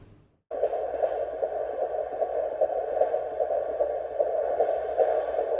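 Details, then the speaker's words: First-trimester fetal heartbeat on Doppler at a prenatal appointment, filmed on phone: rapid, regular whooshing pulses, about 150 a minute, a strong normal fetal heartbeat. "and it was just such a special moment to hear that and [Music] yeah yeah i just i felt so emotional and so happy to hear the heartbeat"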